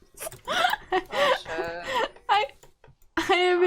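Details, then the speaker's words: Adult woman streamer with a bad bout of hiccups while playing: short voiced sounds broken by several abrupt, sharp-onset jolts; hiccups. "Oh no, I got. I have such bad hiccups right now."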